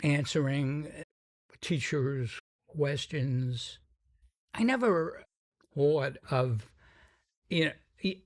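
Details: Adult man with a sometimes noticeable stuttering that varies in severity; described by the host as a pretty strong stutter; stuttering.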